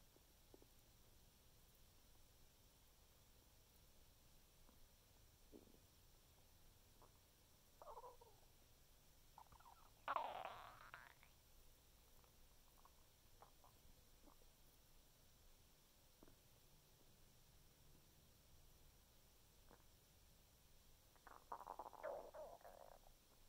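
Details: Ordinary stomach noises (borborygmi) after eating 6 very thin supermarket assortment-platter cookies: scattered gurgles and two louder rumbling bursts over a quiet background.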